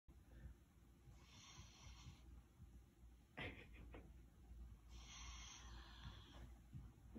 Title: Snoring Husky Mix